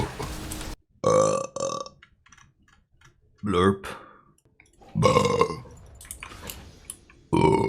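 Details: Burping compilation from a live game stream: several loud, drawn-out, voiced gurgling burps separated by pauses, with excited talk around them; repeated eructation.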